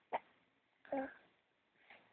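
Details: Hiccups in a happy baby girl in the evening, after sleeping and a diaper change: two short, abrupt hiccup sounds and a faint third in a quiet room, with a parent trying to get her to say 'hi'.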